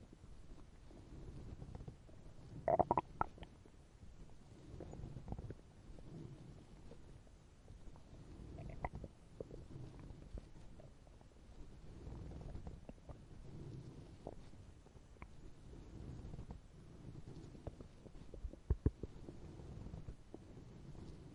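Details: Hungry stomach growling (borborygmi) from a sound-effect recording: low rumbling and gurgling with brief squeaky bursts.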